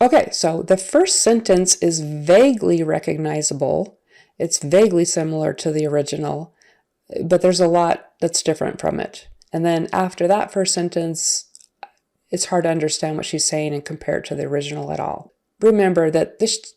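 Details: Adult woman speaking; typical speech.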